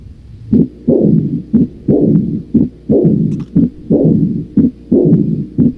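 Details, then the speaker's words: Mitral focus in severe aortic regurgitation: regular heart sounds near 59 a minute with a low rumbling diastolic murmur, an Austin Flint murmur (functional pseudo-mitral stenosis). "A ese se le conoce como soplo de Austin Flint. Si tú lo escuchas, repito, en un paciente con insuficiencia aórtica, escuchas soplos en 2 focos, es algo ya grave, es una insuficiencia severa."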